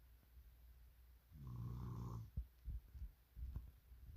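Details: A sleeping dog gives one long, deep, rumbling snore followed by soft snuffling breaths.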